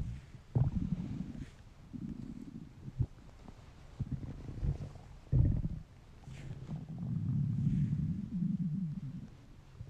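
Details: Low gurgling rumbles and growls from an empty stomach, coming in waves; ordinary hunger noises (stomach rumbling, borborygmi) in a male.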